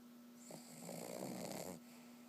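One drawn-out snoring breath from a sleeping dog over a steady low room hum.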